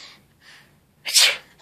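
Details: Two soft breaths, then one sharp, hissing sneeze burst; a simulated (fake) sneeze performed by an adult to make a baby laugh.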